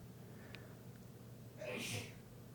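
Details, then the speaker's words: Single muffled sneeze from an adult man some distance away, a brief sharp burst of air over a low steady room hum. "Did you hear a sneeze? It's my husband sneezing."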